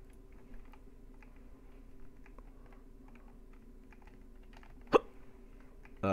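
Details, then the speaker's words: Person playing a computer game has a single sharp, abrupt hiccup and the start of another, over soft keyboard typing and clicking; hiccups. "we go there with the hiccups oh man I'm sorry footlose if you can hear it"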